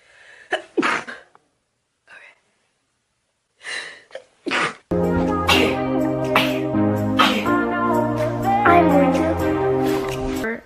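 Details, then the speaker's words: Young woman sneezing just after waking in the morning, amid allergies and sinus issues: a few sharp sneeze bursts with short breath catches; ordinary sneezing. "oh no I have to sneeze get away from this sneeze of creas monohydrate hold on I have to sneeze"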